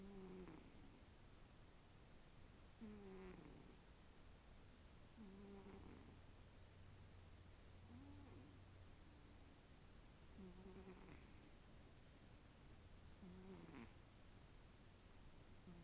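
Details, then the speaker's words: Cat (Tiki) snoring loudly: regular snoring on each breath, about 23 breaths a minute, over a steady background hum. "You snore really loud, honey. You do. You snore"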